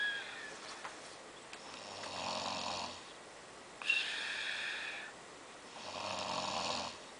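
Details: Snoring: soft, hissy snoring breaths repeating roughly every two seconds, with a faint low rattle on some of them.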